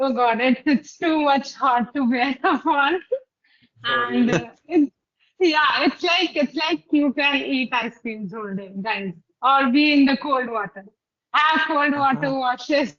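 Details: Adult woman speaking; typical speech.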